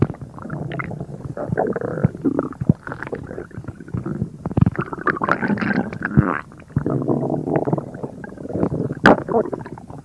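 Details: Continuous low gurgling and rumbling from a person's abdomen, with bursts of bubbly, squelching sounds: active bowel sounds (stomach rumbling).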